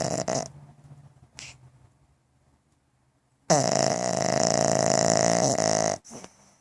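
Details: Pug dog lying with eyes open in bed: loud, long, harsh snorting breath noise with short snuffles before it: snoring.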